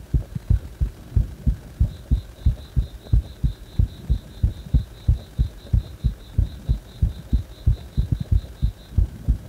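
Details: Heart still beating fast even after release from compression: fast, regular heartbeat at about 92 a minute, with a faint steady high beeping behind; tachycardia.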